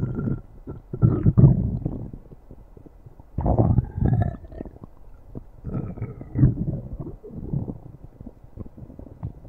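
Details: Stomach growling: low, rumbling gurgles in several bursts with brief squeaky whines between, the sound of borborygmi.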